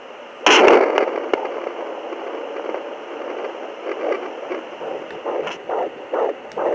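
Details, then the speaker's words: Crackly probe noise settles into fast, regular whooshing pulses of a fetal heartbeat, roughly 140–150 a minute, from a handheld Sonoline pocket fetal Doppler used at home by a pregnant woman lying down, with gel; it took a while to find the position. "como bom gente esse foi o barulho do coração ele demorou um pouco pra pra pegar aí eu não tava achando a posição"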